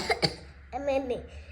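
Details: An adult father gives two quick, sharp coughs, then a short voiced sound in a small room, as his baby daughter teaches him to cover his face when coughing. An ordinary cough.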